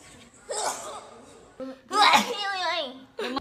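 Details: A singer of TWICE gives a quick, sharp sneeze with a short vocal burst, then a second sneeze-like burst: ordinary sneezing.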